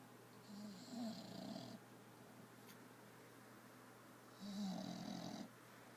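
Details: Female bulldog asleep on a new bean bag bed: two snorting, wheezy snores about four seconds apart with a whistling edge, quiet breaths between; snoring.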